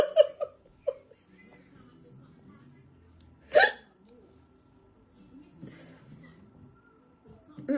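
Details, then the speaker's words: Adult with a hard hiccup attack, chest hurting slightly, hiccuping and burping: a few abrupt, sharp voiced catches at irregular intervals over faint background music. "My hiccups will stop when they want to stop. That's it. My chest hurt a little bit because that was a hard one. Like, to have to hiccup and burp, that's a lot."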